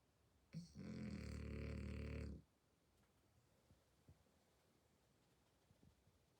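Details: French Bulldog snoring: a single loud, grunting snore lasting nearly two seconds, then quiet; snoring in a flat-faced dog.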